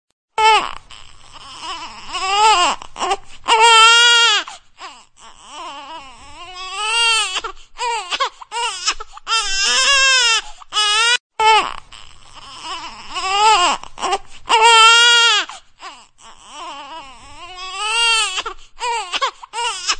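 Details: An infant cries in repeated, rising and falling wails separated by brief gasping breaths.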